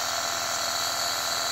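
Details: Steady, even hiss with faint buzz and no breaks from a nebulizer running while a 3-year-old boy with flu does self-inhalation.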